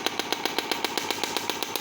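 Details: Low-cost Jinha HL3621 shockwave therapy machine applied to the medial knee for knee pain and osteoarthritis: regular sharp popping pulses, about eight a second. The person receiving it reports pain.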